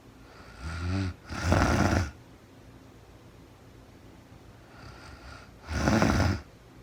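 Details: Real-time recording of a woman asleep overnight, very tired, no talking (labelled REM sleep): two loud, buzzing snores several seconds apart with quiet breathing between; snoring.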